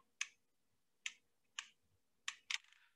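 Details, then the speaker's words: Insulin pen holding 300 units, with a one-unit-increment dose dial: five sharp, distinct clicks as the dial turns. Each click marks one unit, so the dose can be counted by ear, for example with severe diabetic retinopathy. "even if if i was completely blind if or i'd like severe diabetic retinopathy i could just listen to the clicks and i would know how much insulin i'm giving myself"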